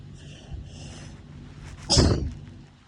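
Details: Person with hay fever who woke sneezing in the middle of the night: one forceful, explosive sneeze after a few noisy breaths, part of a rapid sneezing bout.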